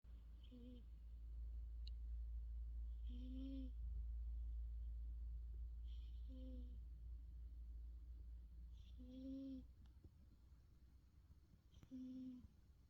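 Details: Sleeping pet cat, tagged Persian/Himalayan, snoring: quiet, whistly snores every few seconds over a low room hum; ordinary sleep snoring.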